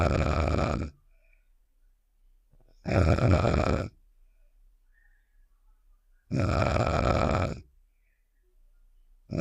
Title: (10 MINUTE UPDATE) Save The Shapes: Star's Snoring Sound Effect (REQUESTED)